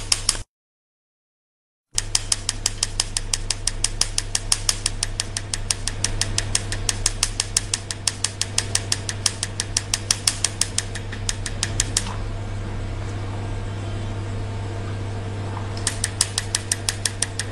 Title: Tatoo removal video